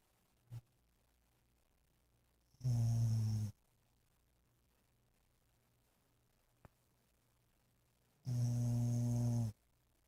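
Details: Dog snoring; two long, low, droning snores about six seconds apart in a quiet room.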